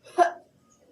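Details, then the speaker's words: Simulated effective cough in a nursing practice demonstration: after deep breaths in and out, on the third breath the patient gives a single short, forceful cough burst to bring up sputum. "sekarang yang ketiga habis tarik nafas Ibu keluarkan dahak Nia dari napas buang"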